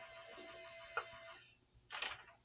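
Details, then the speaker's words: LifePak 15 monitor printing vital signs after the code summary button is pressed: steady whirring printer hum with a click, then a brief rip as the paper is torn off. "so there's a button over here called code summary so we can hit that once and now print out our Vital Signs and everything else"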